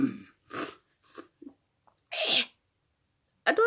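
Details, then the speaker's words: Run of about six short, harsh, explosive coughs with brief pauses, loudest near the end, from a person with a bad cough who says they cough a lot. "this is what happens when you get a soft and you cough a lot like me"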